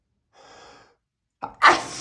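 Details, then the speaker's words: A soft breath, then a sharp intake and one loud, forceful adult sneeze, announced just before with "I'm going to sneeze"; a huge but ordinary sneeze. "I'm going to sneeze. You I need to sneeze. I'm going to sneeze."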